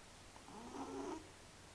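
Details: Single soft, rumbling, purring snore-like breath from a sleeping cat; snoring.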